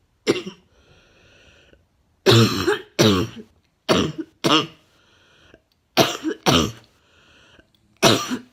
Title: Ugh coughing